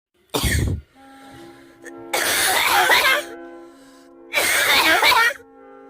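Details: Person with a tagged possible asthma gives three harsh cough bursts, the second and third longer and rasping, over background music, then says they're fine: a loud, unusual cough.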